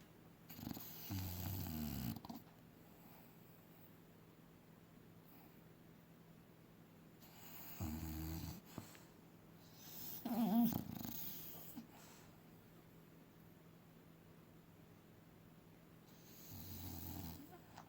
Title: SHORT COMPILATION OF FUNNY AND CUTE DOGS SNORING 😂😂